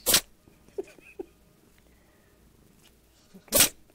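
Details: An orange tabby cat having a sneezing fit: two sharp, explosive sneezes about three seconds apart, with faint snuffling between them in a quiet room.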